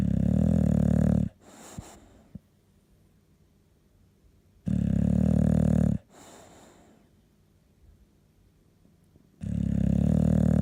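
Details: Sleeping dog snoring: loud, rumbling snores about every four seconds, each followed by a quieter breath out; ordinary snoring.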